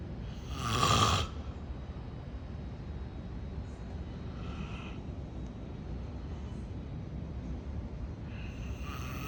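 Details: Sleeping male deep in his dreams gives one very strong, loud, deep, rattling snore, then quieter breathing over steady background noise; snoring.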